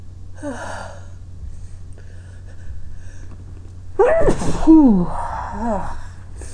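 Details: Person trying to stifle and hold back sneezes but failing: a sharp, partly held-back sneeze with a catching gasp and a squeaky exhale over low room hum; stifled sneeze.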